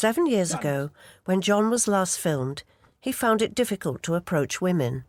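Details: Adult woman narrating; Normal speech.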